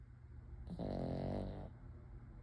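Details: Soft snoring: a single low, rumbling snore lasting about a second during a quiet breath in.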